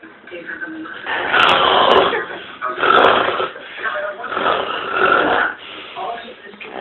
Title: My house dramma...lmao...snoring his ass off